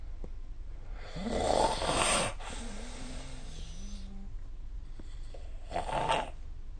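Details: Snoring during sleep recorded with the SnoreLab app: two rough, rattling snoring breaths over quiet room hiss, with a faint whistle-like tone between them.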